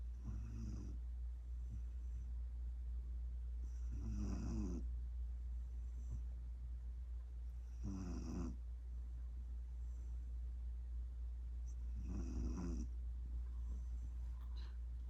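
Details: Cane Corso puppy asleep: four rattling snores about every 4 seconds, roughly 15 breaths a minute, over a steady low hum; puppy snoring.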